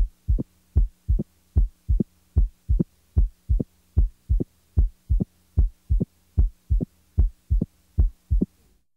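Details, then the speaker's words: Short, sharp, high-frequency opening snap in early diastole, about 60–100 ms after the second heart sound, with a regular rhythm near 75/min; it is higher in pitch and closer to S2 than an S3. "note that the s3 follows the second sound by a longer interval and is lower in pitch than the opening snap"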